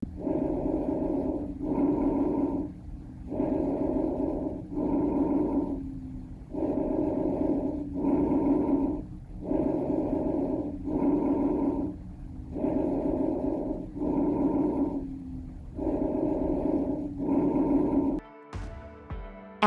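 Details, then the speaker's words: Normal bronchovesicular breath sounds, heard at the mid-chest and posterior chest between the scapulae: steady, medium-pitched breathing with inspiration and expiration of equal length, 1:1 ratio. "they reflect a mixture of the pitch of the bronchial breath sounds heard near the trachea and the alveoli with the vesicular sound the inspiration to expiration periods is equal with a ratio of one to one listen to an example of bronchovisicular breath sounds"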